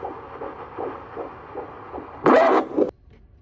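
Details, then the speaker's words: Fetal heartbeat on the doctor's Doppler at a 7-month prenatal visit, first pregnancy: fast, regular whooshes near 150 a minute, then a loud rushing thump as the baby kicks; fetal heartbeat with fetal movement. "So you see my baby's heartbeat is good. And then at some point when he was checking it, the baby kicked, boom. You can kind of hear it."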